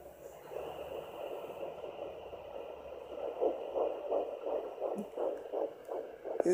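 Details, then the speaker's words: Home Doppler at 10 weeks 1 day of pregnancy, baby lying low: rapid, rhythmic whooshing pulses through hiss; fetal heart rate read as 132 (first misread as 135). "there you have it 10 weeks in one day and oh nowadays there it is 1 35 that's my baby's heartbeat sweet sound to your ears when you get the your baby's heartbeat"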